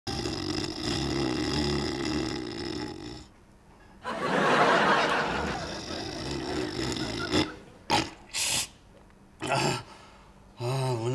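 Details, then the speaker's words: Acted comedy scene, woman snoring loudly while a man lies awake complaining: loud, rough, exaggerated snoring with a few short grunting bursts. "kadın ya of Ah bir kadın böyle orlar mı kardeşim ya o burnunda et dil Antrikot var Yuh be"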